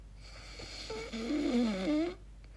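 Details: Person's own recording while asleep, unsure if it is snoring or sleep apnea: a single sleep breath with a wavering, whistling-groaning tone rising and falling, then quiet; an unusual, very strange snore-like noise.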